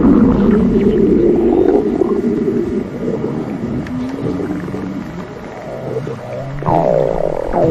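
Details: Continuous loud, low, groaning rumble with shifting pitch and gurgles; stomach growling.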